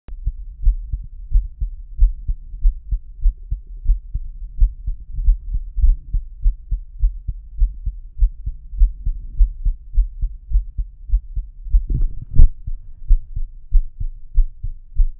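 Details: Own normal heartbeat recorded through a homemade stethoscope mic with a lavalier microphone inside the tubing: steady, regular low lub-dub at about 90 a minute, with one brief bump of handling noise.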